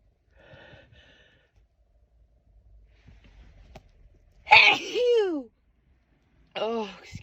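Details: Woman who could not stop sneezing all day: sharp sudden voiced burst of air, then a second shorter vocal burst, in a quiet room, followed by "excuse me"; sneezing.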